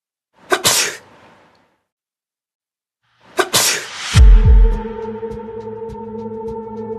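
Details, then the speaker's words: Adult sneezing in a droplet-spread experiment: two sharp, explosive sneeze bursts, the second followed by a low thud over background music. The sneezing expels a large droplet of about 1 mm plus airborne microdroplets under 10 micrometres. "the experiment starts first sneezing we can see a large droplet about one millimeter in diameter it quickly falls"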